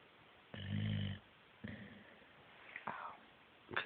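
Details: Boxer dog snoring in sleep: a few low raspy snores and snuffles in a quiet room, ending with a stretch-like squeak; owner notes the dog shaking; snoring.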